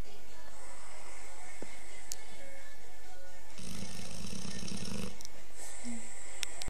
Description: snoring bullmastiff, rather quietly compared to most days!